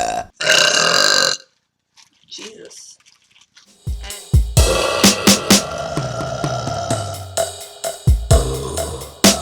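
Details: A long burp, then a run of rapid repeated belches over background music; burping, from a burping compilation.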